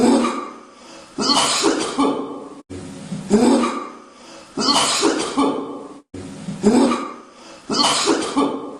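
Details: Three long, hard, harsh coughing bouts with strained breathing between them after a long breath spent waking people for sahur during Ramadan; background music.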